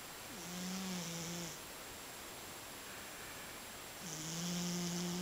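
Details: Snoring from a Scottish Fold cat; snoring.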